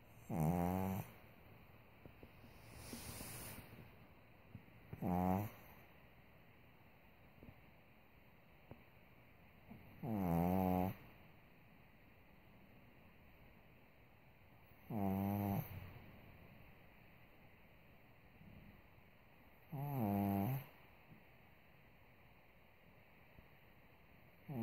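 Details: Sleeping pug, previously operated on soft palate and nostrils, snores only at times: loud harsh snores about 12 a minute from brachycephalic airway obstruction.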